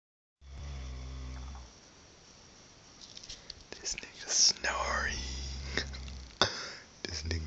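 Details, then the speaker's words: Sleeping man, a brother who denies that he snores: low, buzzing snores with someone whispering close by between them; snoring. "Says he doesn't snore. Last fucking snorer ever."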